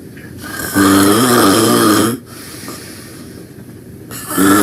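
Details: Loud snoring while taking a nap: rough, pitched snores on breathing in, one long snore, a quiet pause, then the start of another.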